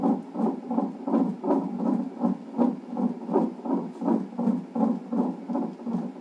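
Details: Rapid, regular whooshing fetal heartbeat at roughly 160 per minute on fetal monitor during reactive non-stress test in a pregnancy with polyhydramnios.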